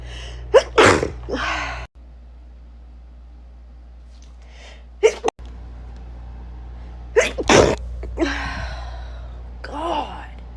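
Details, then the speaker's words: Adult's sneezing fit: several sneezes in a row, each preceded by a sharp in-breath. "i can never sneeze just once so i know there's going to be more"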